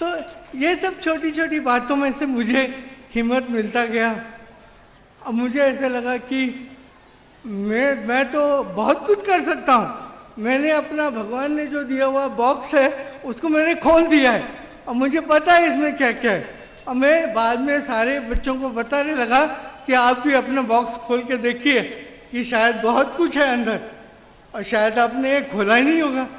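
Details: Adult man with severe cerebral palsy since birth who could not walk or talk as a child; finding: dysarthria due to cerebral palsy.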